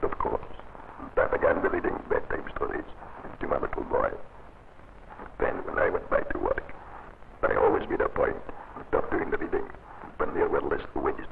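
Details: Adult male engineer who has had a laryngectomy uses esophageal speech. He trained by reading aloud and can now speak in a noisy workshop and on the telephone.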